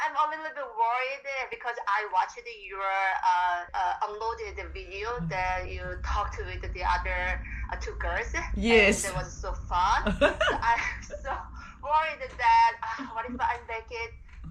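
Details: Adult women, phone call; Conversational speech.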